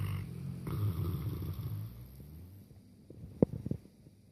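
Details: Two boerboel dogs fast asleep on their beds in the lounge: low, rough rumbling snore for two seconds, then quieter breathing with a few soft clicks.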